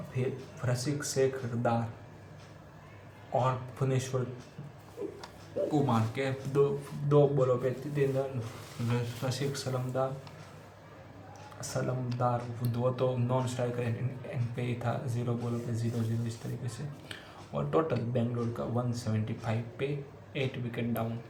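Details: Male self-identified person who stammers, reading Hindi tongue twisters as part of daily home fluency practice; stuttering.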